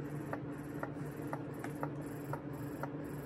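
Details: Newly unboxed Medela electric breast pump, hooked up and being tested, possibly with suction on an arm: steady motor hum with soft regular suction clicks about twice a second.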